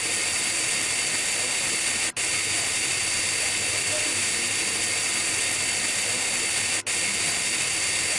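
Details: High-speed dental handpiece with fissure bur, steady high-pitched whine and hiss, briefly stopping twice, during Class I amalgam cavity preparation of a mandibular first molar, completing outline and retention form under the cusps.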